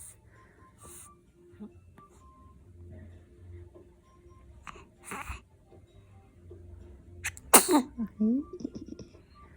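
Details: Infant sneezing, recorded to celebrate recovery from infant heat rash: quiet room noise and faint voices, then a sudden sharp sneeze followed by soft infant vocal sounds.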